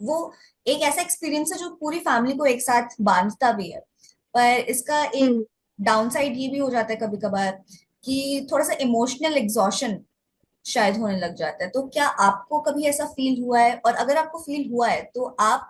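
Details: Adult woman speaking; typical speech.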